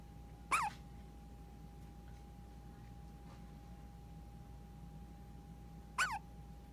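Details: Baby hiccups: two brief, sharp, high-pitched hiccups about five seconds apart over a steady background hum.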